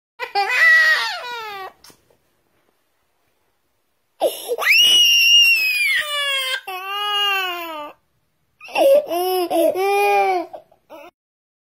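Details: Infant crying: three loud, high-pitched crying bouts with long wailing notes and pauses between them; ordinary infant crying.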